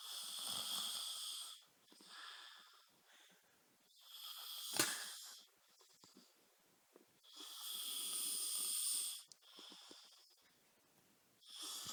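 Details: Person snoring during sleep: hissing, whistly snores at an uneven rhythm of about 16 a minute, with a snort partway through.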